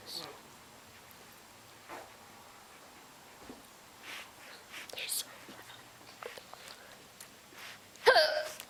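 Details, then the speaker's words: Person nannying has brief, sharp hiccups at irregular intervals with soft breaths between, ending in a louder burst; some hiccups are painful. Repeated hiccups. "I don't know I hope that was a good chunk of hiccups for you guys that is all I'm recording for today see you guys later some of these hiccups really hurt"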